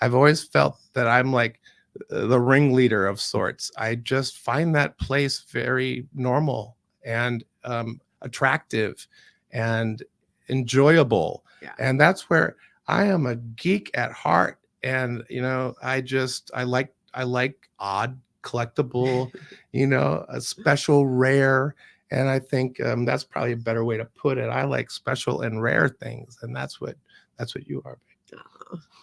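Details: Real dysphonia in a man after prolonged intubation; his voice was not always like this, and his vocal cords never fully recovered.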